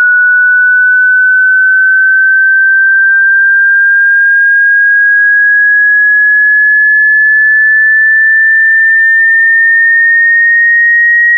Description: The video displays audio frequencies that are being played. By watching it, you can determine what you can and cannot hear.